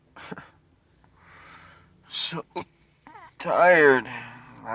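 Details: Persistent hiccups, recorded September 24, 2019, in a patient hiccuping since December 9, 2015, with a very rare, disabling condition unresolved after over 30 physicians, multiple treatments and corrective surgeries.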